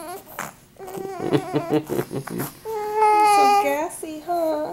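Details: Baby who had hiccups fusses with short vocal bursts, then a sustained wailing cry; caregiver wonders about the diaper and suggests hunger; ordinary infant crying.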